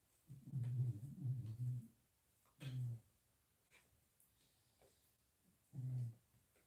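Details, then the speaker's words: A sleeping pet dog in a quiet room gives low, rumbling, fluttering breath noises in three bursts, one long and two brief: snoring. "my dog is snoring i don't know if you can hear her"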